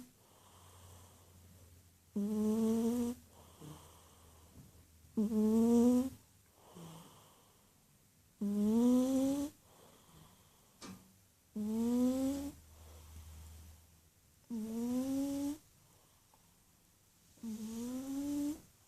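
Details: Cat curled up in a ball, deeply asleep and snoring: regular, musical snores rising slightly in pitch, about 19 a minute, with quiet breaths between.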